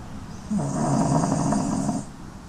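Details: Beagle sleeping wrapped in a soft blanket gives a single low rumbling snore lasting about one and a half seconds; peaceful snoring.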